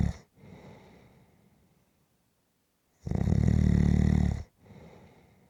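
A loud, rattling snore on the in-breath between quieter breaths; ordinary snoring during sleep.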